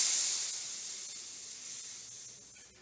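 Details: Paramedic student assignment demonstration of a patient who has fallen: steady hiss of air escaping from an inflated cuff, fading as the pressure drops.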